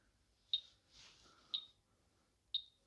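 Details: Three short high-pitched beeps about one second apart, with faint rustle between, as a BTL Class 3 physiotherapy laser therapy machine starts treatment after the start button is pressed.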